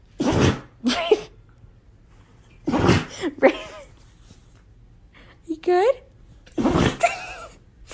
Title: Dongs sneeze (funny moment of Dogs sneezing)